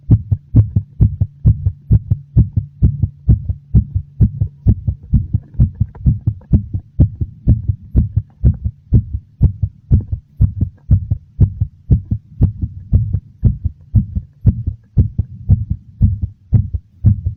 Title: [Heartbeat sound] A slightly fast, very noticeable heartbeat.